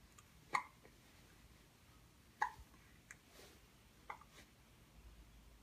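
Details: Hiccups in a baby aged 1 month 19 days, playing with animal toys while watching an elephant: three soft hiccups about two seconds apart in a quiet room; ordinary harmless infant hiccups.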